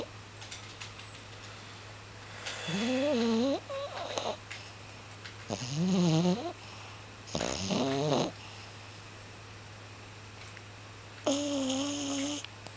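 Four loud, rough, voiced snores with quiet gaps between them, over a steady low room hum.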